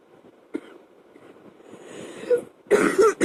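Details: Night-time coughing fit during a chest cold, recorded after it woke the person from sleep: a sharp cough, a rising wheezy breath, then two harsh coughs in quick succession, with a fan humming in the background.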